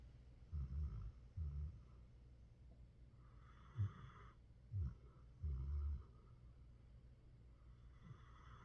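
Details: Dog asleep in his comfy couch spot, snoring: low rattling snores with each breath plus softer nasal breaths.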